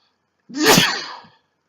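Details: A single loud, forceful sneeze from a male, with a brief intake then an explosive burst of air, set off by sneezing snuff (chhinkni) tried for the first time.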